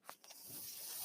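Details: Speaker's own mechanical ventilator heard while talking on a podcast: a couple of faint clicks, then a steadily rising airy hiss as a breath is delivered.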